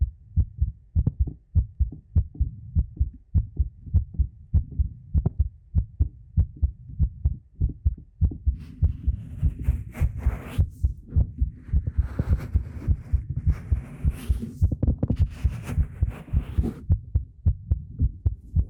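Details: ASMR talking roleplay with a heartbeat sound, recorded on a 3Dio binaural microphone: steady, strong low thumps at about 100 a minute, with soft hiss and faint background noise.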